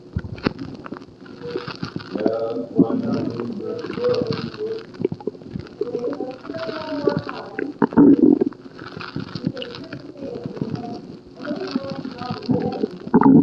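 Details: Stomach rumbling in a hospital patient with an upset stomach: gurgling, bubbling rumbles and low growls coming and going in a quiet room.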